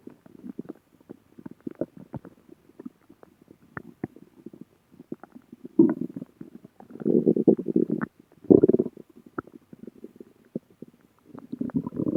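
Gurgling, bubbling stomach growls in irregular bursts, ordinary borborygmi from gas and fluid moving through the gut.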